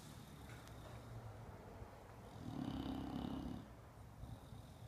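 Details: Bulldog asleep and tired after being groomed: low rattling, rumbling breath noise, louder on one breath; snoring.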